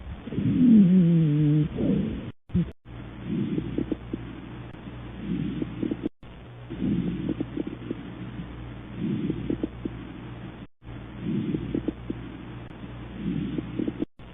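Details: Teaching example of rhonchi: low-pitched, snoring, rumbling lung sounds through repeated breaths, typical of secretions in the larger airways.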